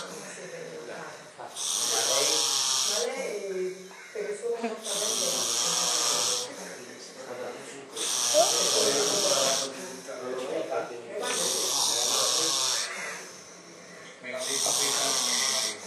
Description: IL VINCITORE DEL CAMPIONATO MONDIALE DI SONNO RUMOROSO ! / THE SNORE CHAMPIONSHIP WINNER !